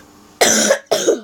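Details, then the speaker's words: Two harsh, short coughs in quick succession from a person who apologizes for the cough; coughing. "простите за каша адриан простите за кашель"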